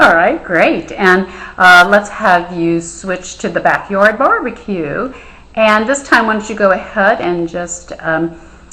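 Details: Adult female clinician; Normal clinician speech.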